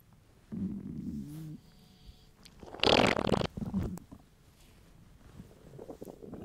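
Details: Male, hungry: low gurgling stomach rumbles with a short, louder squelching burst midway, then quieter gurgles; borborygmi, normal hunger bowel sounds.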